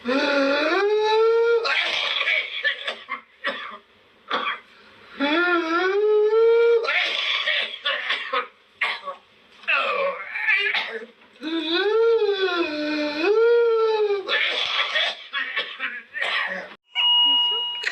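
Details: Whooping cough (pertussis) in a child: bursts of rapid coughs, each followed by a long, high-pitched whooping in-breath.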